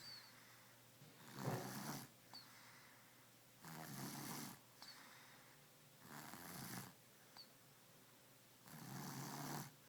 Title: snoring in hotel in San Fran